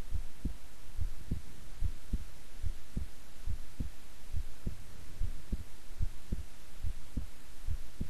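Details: Own heartbeat recorded at length while still and relaxed: steady, regular soft double thumps at about 71 beats a minute over a low hum; normal resting heart sounds.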